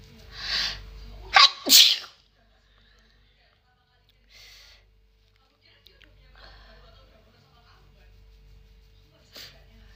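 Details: Malaysian girl sneezing: a drawn-in breath followed by two sharp sneezes in quick succession, then quiet with faint rustling.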